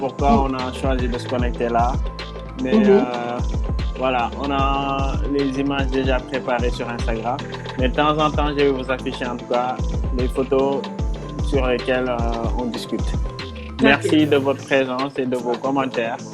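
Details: Adult speaker; no disorder.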